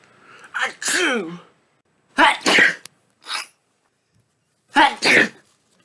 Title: 50+ Sneezes In A Row